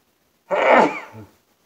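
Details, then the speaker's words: Man's sneezing fit, first sneeze of about five: a single forceful sneeze, a sharp explosive burst of air and voice trailing off quickly; sneeze. "sneeze fit if you're up for it and that was like five hey I've been sitting here for a while waiting for it to start I knew it was coming"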